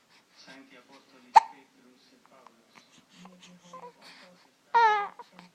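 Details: An infant gives a sharp hiccup amid soft babbling, then a brief high squeal; ordinary infant hiccups.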